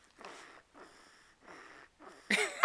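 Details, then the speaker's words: Sleeper snoring through Christmas morning while presents are being opened; ordinary snoring. "so christmas morning and we're opening up presents and here's our tree and supposed to be opening up her presents but she's busy snoring she is sleeping"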